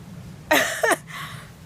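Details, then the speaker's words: Person sick with a sore throat almost choking on a cough drop while sitting down: a single short, harsh cough burst with a voiced throaty catch; cough after choking. "excuse me I almost choked on a cough drop I don't know why all I did was sit down"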